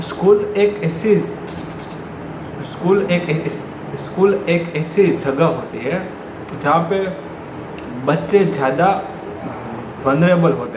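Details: Adult man who stammers, natural speech about school; stuttering.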